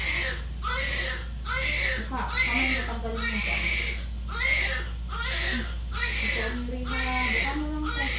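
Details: Steady rhythmic wailing, about one cry a second, strong and clear over room hum; a normal vigorous cry from a newborn baby boy just after a normal vaginal birth, the mother's third pregnancy after a nine-year gap.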